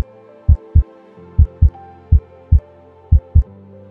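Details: Normal heart sounds picked up contactlessly by a commercial radar vital-sign system: paired low thumps of S1 and S2 at about 65 beats per minute over soft background music.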